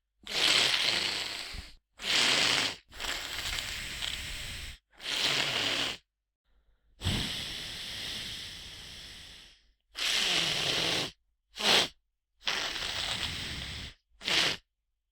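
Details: Nasal congestion breathing from a human stuffy-nose sound effect: hissing, snuffly breaths through a blocked nose, with short sniffs between longer inhalations and exhalations.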